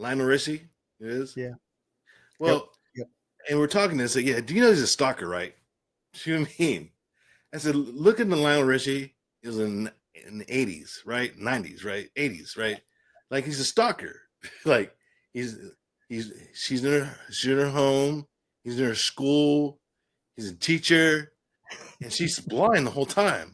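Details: Adult man with aphasia following a stroke; aphasia.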